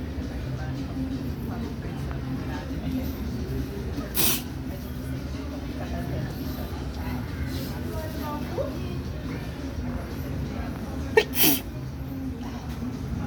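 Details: Two brief, sharp sneezes over the steady low rumble of a moving vehicle, from a person who says they sneeze all the time; sneeze.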